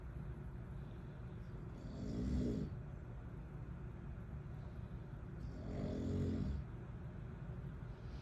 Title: My dad snoring while on vacation for exactly 5 minutes and 27 seconds